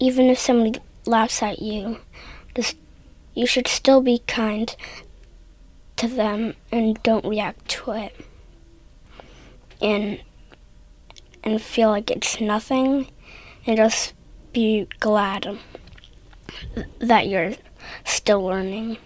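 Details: 8-year-old child who stutters, in a speech therapy session; stuttering.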